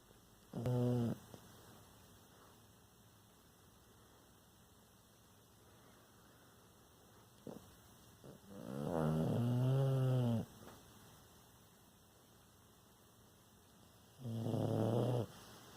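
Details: Stertor in an awake pet: three loud, low, rattling snore-like breaths separated by quiet pauses, snoring-like breathing while awake.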